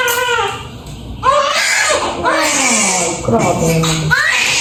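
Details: Loud, repeated, rising cries of a newborn baby boy just after a midwife-attended normal vaginal delivery, nine years after the previous child, with adult voices in the room.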